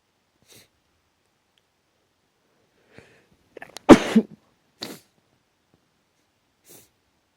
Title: Half asleep allergic sneezing